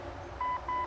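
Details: Two steady electronic beeps in a quiet room: a real automated external defibrillator switched on during first-aid training, giving its prompt tone before voice instructions to remove clothing and apply pads.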